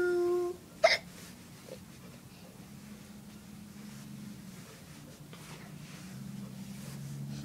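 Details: Person hiccupping while singing: a sung note breaks off, followed by a single sharp, abrupt hiccup, then quiet room noise; hiccups.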